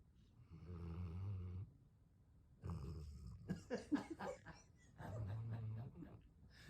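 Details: Sleeping English Mastiff dog snoring: loud, low, rumbling snores on breathing in, with noisier snorting breaths between them.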